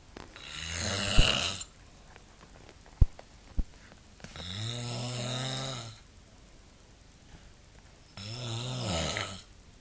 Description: My Dad snoring in the middle of the night!